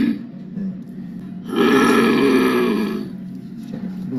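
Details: Progressive supranuclear palsy patient with the growling speech typical of PSP; the voice is also described as very hoarse.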